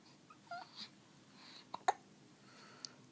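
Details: Hiccups: a few brief, sharp, jerky catches close together in a quiet room.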